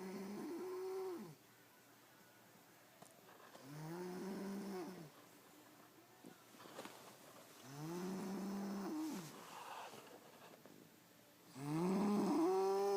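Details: Charlize, knocked out and exhausted after a full dance day, snoring: three long, tonal, groaning snores about four seconds apart, close to 16 a minute, in a quiet room.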